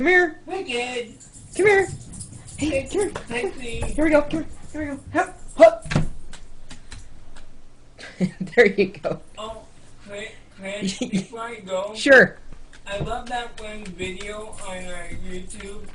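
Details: 32-year-old man with cerebral palsy speaking in real conversation; cerebral palsy speech (dysarthria).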